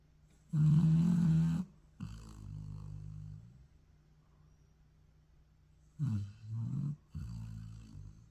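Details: Dog having an afternoon nap: low rumbling snores, about four noisy breaths with a pause between them; ordinary snoring.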